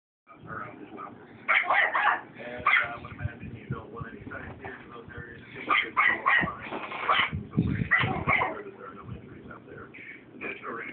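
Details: Dog's wheezing bark: short, hoarse barks with a wheezy, breathy edge between bursts.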